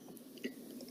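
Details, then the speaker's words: Teaching clip of a young child with laryngeal involvement and hoarseness: a single brief, harsh, voiced cough breaking into a burst and cut short, the characteristic barking cough of croup. "there is also cough and cough sounds like this so let us listen to how the cough is sounding and listen to this very carefully this is the characteristic"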